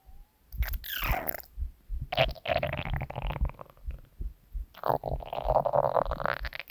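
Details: Hunger stomach growling (borborygmi) from the uploader's own stomach: gurgling, squelching rumbles and a drawn-out squeal from the belly, a harmless gut sound.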